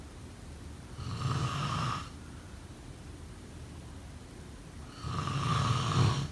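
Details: Two loud, low rumbling snores on breaths in, about four seconds apart (roughly 15 breaths a minute), with quiet between: ordinary sleep snoring.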